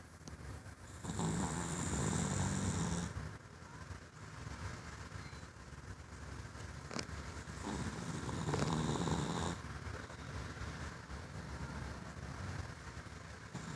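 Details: Gus, a sleeping pet, snores with low rumbles over steady room noise, including two longer, louder breaths with a faint whistle; dark recording with flash off.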